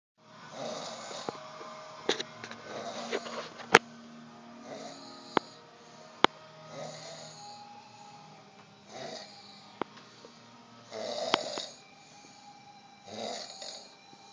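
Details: Cousin passed out after heavy drinking, snoring loudly: repeated rough snoring breaths about every two seconds, with sharp clicks and party room noise around them.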